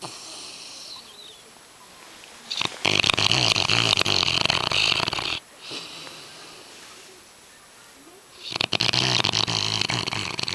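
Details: Loud, rattling, harsh snores from a sleeping yellow Labrador dog, two long noisy breaths with quieter breathing between them; snoring.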